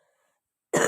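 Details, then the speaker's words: Sick girl, ill about two weeks with a blocked nose, coughing all night: quiet lead-in, then one abrupt harsh cough burst, cut off at the end. "Я кашляю, вы знаете, как я кашляю? Кашляю всю ночь."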